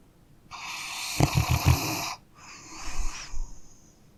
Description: High quality sounds of dogs sleeping and snoring.